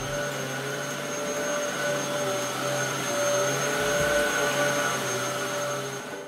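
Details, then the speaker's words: Loud, steady whirring like a vacuum cleaner from a vibrating cast saw cutting a child's plaster cast in a children's hospital plaster room. The saw is described as cutting the plaster but only tickling the skin. "c'est une chi qui vibre d'ailleurs elle fait des chatouilles moi j'ai rigolé parce que je suis très chatouilleuse elle coupe le plâtre mais chatouille la peau elle fait du bruit un peu comme un"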